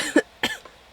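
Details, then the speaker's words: Adult recovering from an illness: two short, sharp coughs, the second slightly fuller, in a quiet room. "Sorry, I'm recovering from sickness, so that's why I sound like that, and that's why I coughed."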